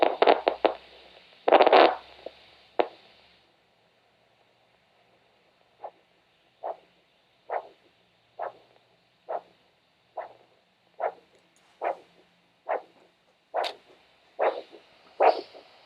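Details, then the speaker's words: Handheld Doppler over the ankle or top of the foot at a podiatry assessment: probe scraping, then regular whooshing pulses at about 70 a minute with faint static; a normal triphasic arterial signal indicating good elasticity. "So a triple sound indicates that you've got good elasticity in your blood vessels when your heart pumps blood out and contracts and it's pushing a big bolus of blood out through your aorta."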